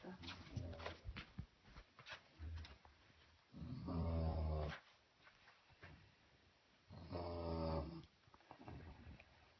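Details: Tired son snoring, unaware, recorded by his brother: low, rattling snores about every three seconds, roughly 18 a minute, over quiet room noise; ordinary snoring during sleep.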